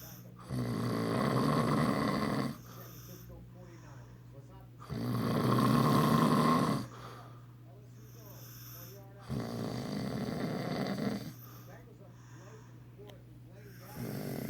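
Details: Man snoring: loud, rough inhaled snores about two seconds long with quiet exhales between, roughly fourteen breaths a minute.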